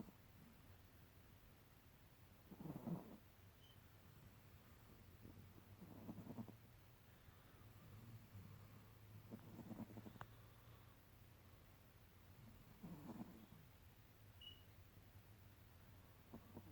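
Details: Chihuahua snoring: soft, low snoring breaths from a small dog, about 17 a minute, against faint room hum.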